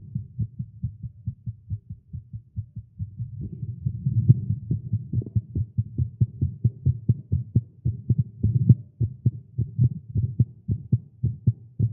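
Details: Male heartbeat after exercise and caffeine: rapid, fairly steady low thumping at about 130 beats a minute; fast heartbeat, tagged as irregular.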